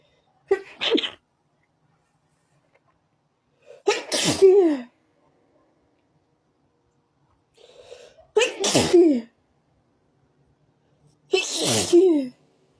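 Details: Four separate sneezes from a tickly feeling in the nose, each with a short in-breath before a sharp burst.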